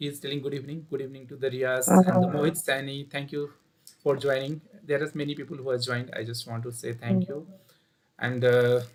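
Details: Adult male speaker; Normal voice.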